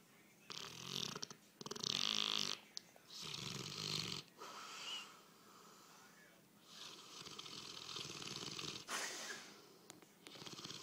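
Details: Bullmastiff dog snoring in sleep, recorded on an iPhone: harsh, hissing, rattling snorts on both breathing in and out, irregular and noisy.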